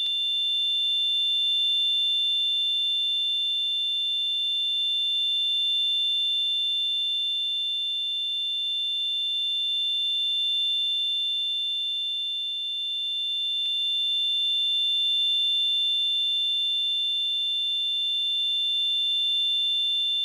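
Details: Tinnitus simulation sound effect: a steady, high-pitched ringing tone held unchanged throughout.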